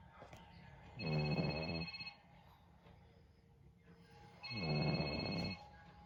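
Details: Two snorting, rattling breaths about three and a half seconds apart, with a steady electronic tone running through them, from a sleeping pug; snoring.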